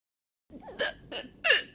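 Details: Hiccups from a girl: three short, sharp, involuntary high-pitched vocal catches in quick succession, each with an abrupt onset.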